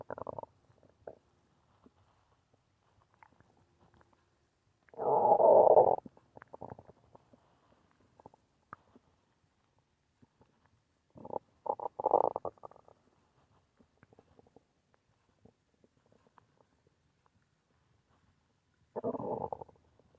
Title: Uhh... stomach growling.